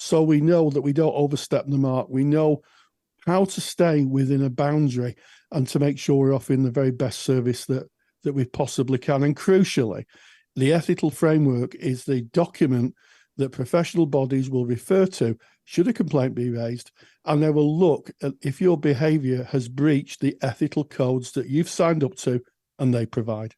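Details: Adult speaker; typical adult speech.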